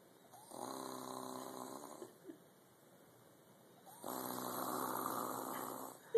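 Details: Person passed out asleep: two long, buzzing, tonal snores, each lasting about one and a half seconds, separated by quiet pauses. Ordinary snoring during sleep.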